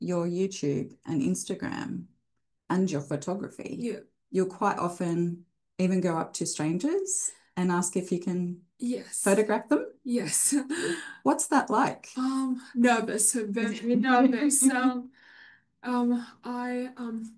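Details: Man with aphasia following a stroke 6 years earlier, hospitalized for 6 months; reports difficulty speaking and has not read in six years; aphasia.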